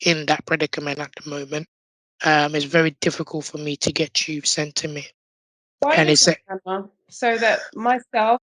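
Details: Adult man born six months premature with undeveloped airways, emergency surgery at birth and two years in an incubator, living long-term with a tracheostomy tube; prematurity heavily affected his vocal cords; tracheostomy voice.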